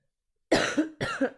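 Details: Cough from a sick adult streamer with a sore throat: two quick, fairly dry coughs.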